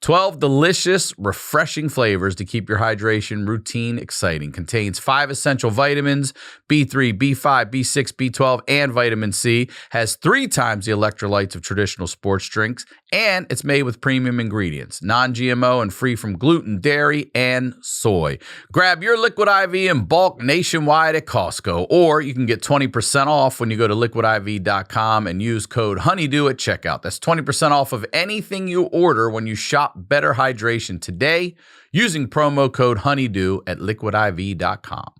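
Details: Adult male speaker; ordinary speech.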